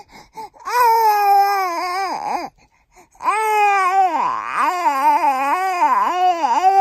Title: Making new sound while crying to sleep